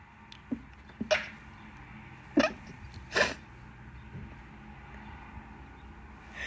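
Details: Several short, wet sneezes over a quiet room hum, during bad pollen season.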